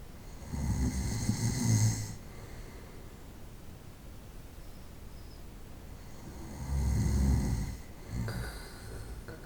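Loud, low rattling snores on two breaths, with quiet breathing between them: snoring during sleep.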